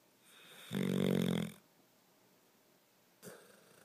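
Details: One short, buzzing inspiratory snore followed by a quiet breath out and a faint snort, from a sleeping animal; snoring.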